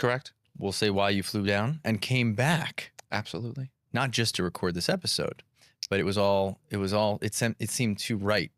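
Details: Adult male speaker; typical speech.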